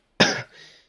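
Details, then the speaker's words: Single abrupt, harsh cough with a brief fading tail in a quiet room, from an adult who was ill, coughing repeatedly during a live stream with a hoarse voice. "Genre je tousse toutes les de secondes mais bon c'est pas grave."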